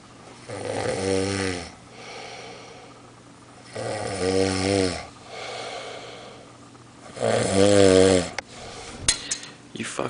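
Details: Adult man asleep, snoring very loudly despite denying it: loud, rattling snores on each breath in, about three over ten seconds, separated by quieter breathing out; heavy snoring.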